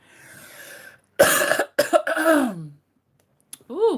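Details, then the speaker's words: Adult coughing during a livestream, a short cluster of two to three bursts with a brief voiced throaty tail; she drinks water and considers ending the chat to rest her throat. "Ooh, girls, I might have to end because I don't want to keep having this sound of me coughing."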